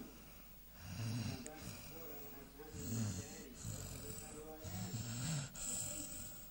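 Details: Sleeping American Staffordshire terrier (Amstaff) snoring: soft, low, rattling breaths roughly every two seconds over room noise.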